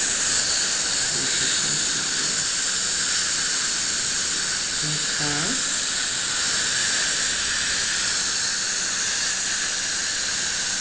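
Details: Steady high hiss with brief tonal squeals from an electrosurgical unit cutting and cauterizing a pedunculated palatal lesion under local anaesthesia in a denture wearer; cautery replaces sutures and bleeding stops immediately.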